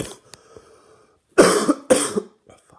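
Two loud, harsh cough bursts in quick succession, with quiet room sound around them.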